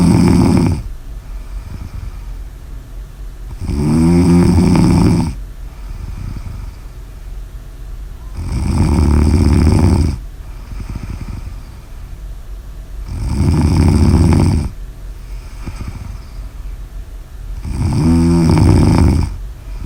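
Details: Loud, low rattling snores on each in-breath, about 13 a minute, with quieter exhalations between them; heavy snoring recording.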